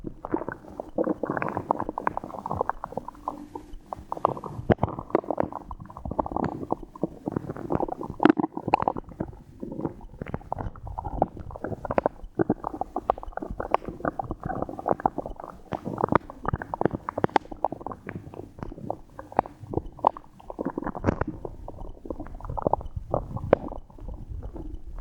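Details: Bowel sounds (borborygmi) in a 23-year-old female after drinking water and swallowing air into her belly: continuous gurgling and bubbling abdominal sounds with frequent pops.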